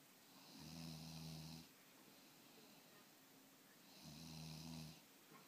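Two soft, low, buzzing snores with a faint whistly edge, about three and a half seconds apart, over room hiss: quiet snoring.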